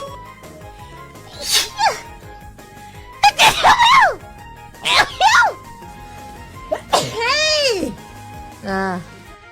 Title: I give you a cute sneeze compilation